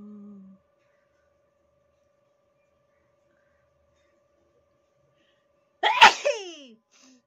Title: nose sneezing fighting 💪challenge👈funny video#like👍#subscribe👈comments👈💯💯